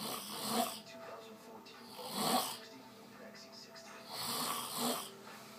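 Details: Rough, airy snores recur about every two seconds, with quieter breathing between them and faint background sound: snoring.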